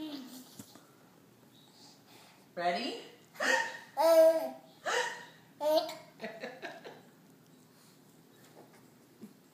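About five short, abrupt voiced catches a second or so apart, in a quiet room; repeated hiccups in a child.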